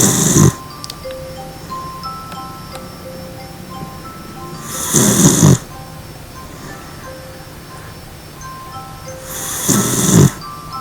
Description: My dachshund, this morning, jumped up on the couch, found a pillow, and snored for four hours straight.